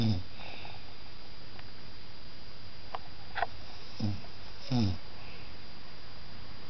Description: My OH snoring